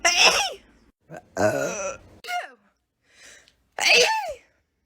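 Several loud, high-pitched sneezes in quick succession, some with a voiced cry-like tail; repeated sneezing.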